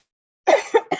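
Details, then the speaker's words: Adult recovering from an illness coughing during a live talk: three quick, forceful cough bursts, one strong and two shorter, in a quiet room. "My apologies. I'm just recovering from an illness, so you will hear me cough occasionally."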